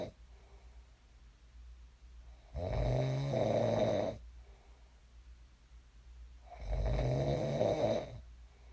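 Two long, rough, rattling snores on inhalation with quiet breathing between, about 15 breaths a minute; ordinary snoring during sleep.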